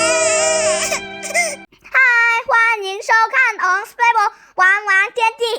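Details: Crying in a baby girl: rhythmic, high-pitched bursts of infant crying after a brief stretch of music.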